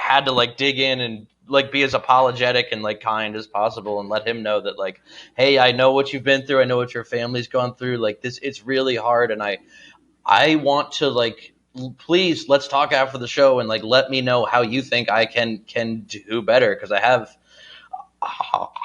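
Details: Adult male comedian with a real, not performed, stutter present all day, who has been in speech therapy; stuttering.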